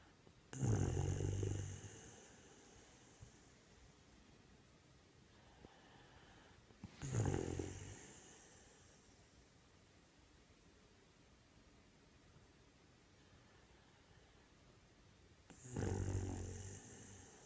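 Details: Low, rattling snores several seconds apart, each fading into a soft breath out, in a quiet room; snoring.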